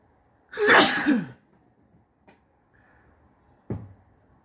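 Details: One forceful, wet, snotty sneeze with a sharp burst of air, followed by a faint sniff and a short breath; sneeze.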